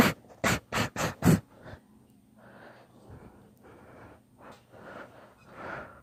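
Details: Deliberately induced sneezing fit: five quick, sharp nasal bursts in a row, then snuffly, heavy breathing.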